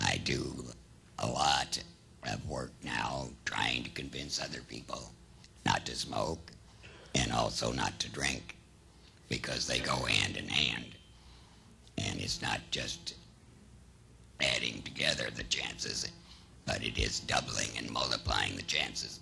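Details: Man with a laryngectomy about seven years earlier and no chemotherapy or radiation; an esophageal speaker who also has a tracheoesophageal puncture and can use both methods: alaryngeal (esophageal/tracheoesophageal) speech.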